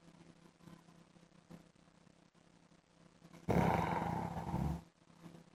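Quiet breathing, then a single loud, rough, rumbling snore lasting over a second. Heavy snoring.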